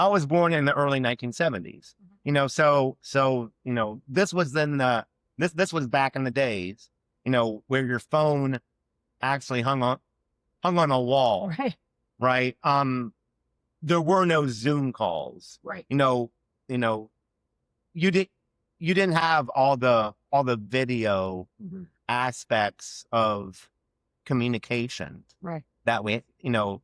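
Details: Adult man who has stuttered since childhood and had years of speech therapy aimed at fluency; real, spontaneous conversational speech with stuttering.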